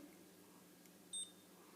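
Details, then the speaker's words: Single short electronic beep from a blood glucose meter as the test strip draws up Rupert's blood sample, against quiet room noise; the reading was 6.2. "there you go you'll hear it beep it draws it up and then in a minute we'll see a number will come up which is his reading 6.2"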